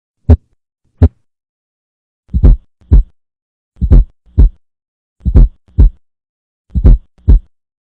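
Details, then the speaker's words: Fourth heart sound (S4, atrial gallop) best heard at the apex with the stethoscope bell: low-frequency late-diastolic sound just before S1, over a slow heartbeat. "จุดที่ฟังเสียงที่4ของหัวใจได้ดีที่สุดแม่นบริเวณapexเสียงดังกล่าวเป็นเสียงความถี่ต่ำจึงใช้ดันเบลของstethoscopeในการฟังเสียงนี้เกิดขึ้นในช่วงlatediastolicและจัดอยู่ในจำพวกatrialgallop"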